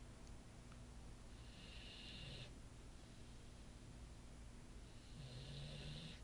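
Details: Olde English bulldogge snoring quietly on his favorite couch, recorded on an iPhone: soft, low rattling breaths with faint whistling on two breaths over a steady background hiss.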